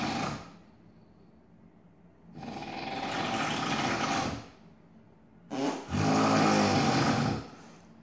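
Three loud, harsh, rattling breath sounds with quiet gaps between them; heavy snoring.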